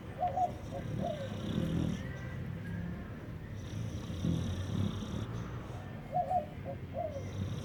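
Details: Pitbull asleep and snoring, possibly having a bad dream: steady low rumbling breaths with a few short squeaky sounds on top.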